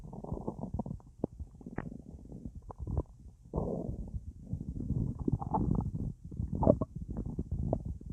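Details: Active bowel sounds (borborygmi) after a large meal with a drink, much gas in the belly and feeling very full: frequent gurgling, bubbly rumbles with short pops, steady throughout.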